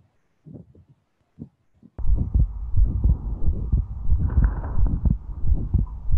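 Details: Atrial septal defect case: regular heart sounds near 88 a minute with wide fixed splitting of the second heart sound, unchanged between inspiration and expiration; ASD shunt flow itself produces no audible murmur.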